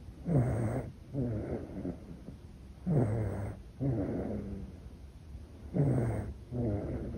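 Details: Sleeping infant in deep sleep: soft, fluttering snores on both inspiration and expiration, about 21 breaths a minute, gentle normal snoring.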